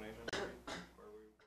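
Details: Two quick, harsh cough bursts from an adult with voiced sound around them.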